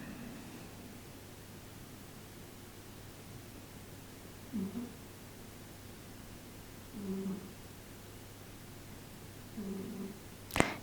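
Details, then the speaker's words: A cat sleeping behind the TV snoring: faint, low rhythmic snores about every two and a half seconds in a quiet room. "è il mio gatto che russa mi dispiace che sia dietro la TV e sta russando in modo che tu non pensi che sia qualcos'altro"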